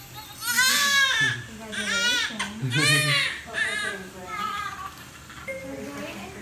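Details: Baby boy's cry just after normal spontaneous vaginal delivery at 37 weeks, no epidural, weight about seven pounds: loud rhythmic crying bursts with quieter gaps, adult voices faintly behind; a healthy newborn cry.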